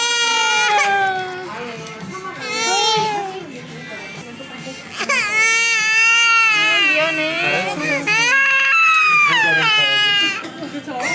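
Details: 11-month-old baby crying loudly in fear during a first haircut (bangs) at a hair salon; the baby is shy of strangers. Sustained wailing with sobbing breaks over background music.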